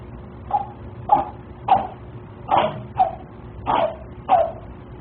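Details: Louie the cat sneezing, caught on a Dropcam home camera.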